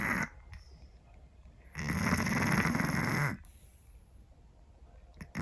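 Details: Scottish Fold cat snoring: one long, loud, rattling snore lasting nearly two seconds, with quiet breathing before and after.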